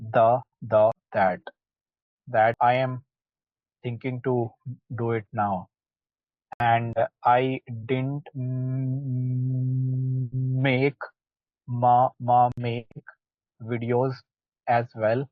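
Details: Adult who stammers, in a group practicing stammering techniques such as pullouts and cancellations; sound and word repetitions audible: stuttering (stammering).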